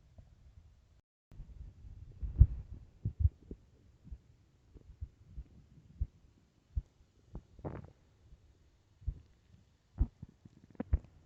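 Irregular low gurgles and soft pops from the belly: ordinary stomach growling on an empty stomach.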